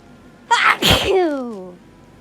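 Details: Sneeze from hay fever (allergies very bad this week): a single sharp sneeze with a short intake before it and a falling voiced tail.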